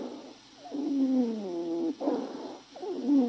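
Musical, whistling tones during breaths, typical of wheezes from narrowed airways.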